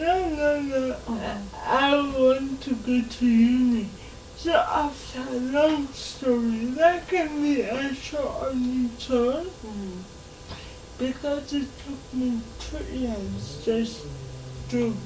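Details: Dysarthria in a 27-year-old woman with lifelong cerebral palsy; she can speak but is given extra time to talk, in a real TV interview.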